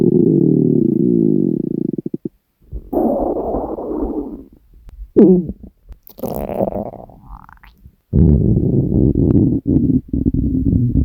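Long, loud gurgling and rumbling growls in bursts with short pauses; hunger-related stomach growling, a normal gut sound.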